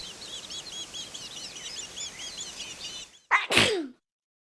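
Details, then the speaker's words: Birdsong chirps give way to a single loud two-part sneeze, a sharp intake then an explosive burst, illustrating pollen-triggered spring sneezing with runny, itchy noses. "the sound of someone sneezing in spring many people get runny itchy noses and they ah ah achoo in spring there is a lot of pollen and pollen makes many people sneeze"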